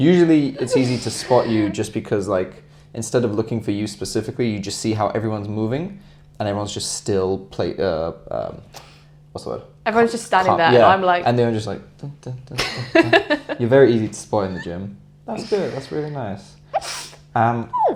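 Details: Adult speaker in conversation; Normal conversational speech.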